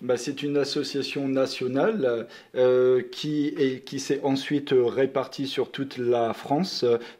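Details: French-speaking man who stutters, a member of a stuttering support association; stuttering.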